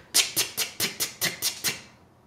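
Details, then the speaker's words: Eight sharp, separate rattling pops in quick series, vocally imitated as a teaching example of crackles (rales), a discontinuous lung sound contrasted with continuous sounds. "you see how there's breaks in the sounds it sounds more like a rattle which is why crackles are oftentimes referred to not as common as what they used to be but the term rail or rails is the french word for rattle"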